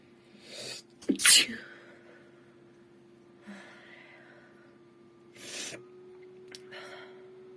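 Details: Woman deliberately inducing sneezes while chatting: two loud, sharp sneezes, each preceded by a quick indrawn breath, over a steady computer hum.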